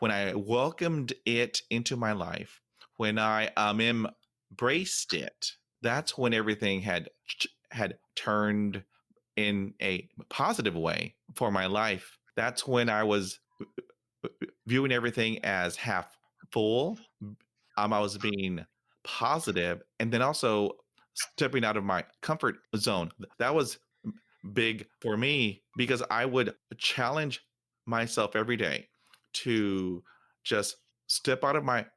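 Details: Stuttering since fifth grade in a 47-year-old man; repetitions and fillers heard.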